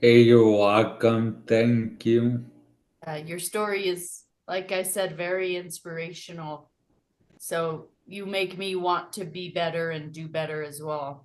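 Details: Adult speakers in conversation; normal speech.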